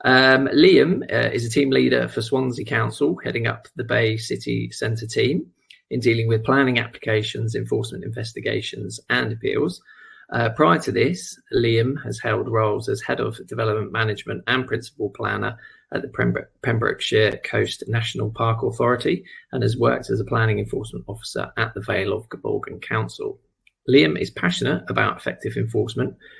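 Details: Adult male speaker; Normal speech.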